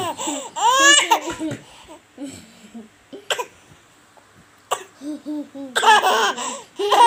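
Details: An infant learning to roll onto the tummy laughs hard in bursts, with a few short coughs breaking into the laughter, a harmless cough set off by laughing.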